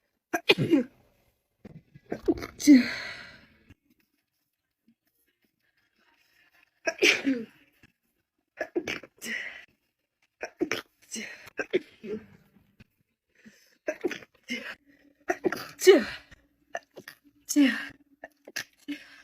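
Several separate sneezes from different women, each a sharp burst after a quick breath in, with quiet gaps between.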